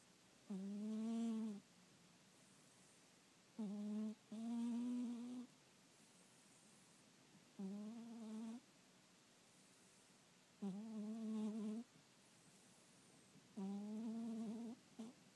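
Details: Sleeping kitten snoring: soft, rhythmic humming snores, about 18 a minute, each lasting around a second, in a quiet room.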